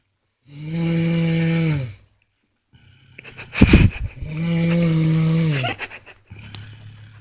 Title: girl records me snoring loud